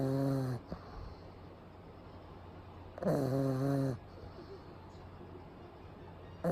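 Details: Pug sleeping during a daytime nap with eyes rolled back showing the whites, recorded close up; loud, rattling snores with long quiet pauses, roughly two in this stretch.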